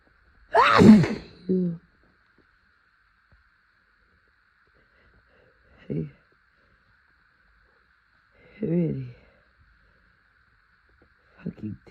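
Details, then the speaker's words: Person on an April allergy day, after sniffing flowers and chhinkni (sneezing snuff): a loud forceful sneeze with a second burst, then three further short spaced sneezes or sniffs; repeated sneezing. "Is it really gonna leave me like this? Oh my god, I really hope I sneeze again."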